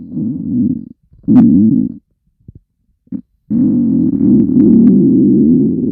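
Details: Girl's hungry stomach growling: long, low rumbling gurgles with brief gaps, loud hunger borborygmi, a normal bowel sound.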